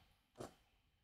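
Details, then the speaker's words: A sleeping dog snoring: a single brief, rough, rattling breath, faint over quiet room noise. "the dog, by the way, if you can hear that, that's the dog. He is... snoring his head off."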